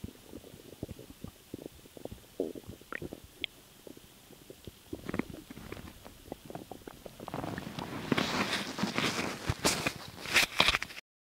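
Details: Stomach noises from swallowing air: irregular gurgles and clicks building into louder bubbling rumbles; bowel sounds (borborygmi).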